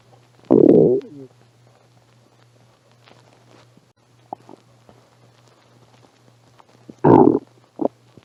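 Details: Stomach growling in a person with a cold who had not eaten all day, recorded on a phone. Two loud gurgling growls with short rumbles between over a low steady hum. Ordinary hunger-related bowel sounds.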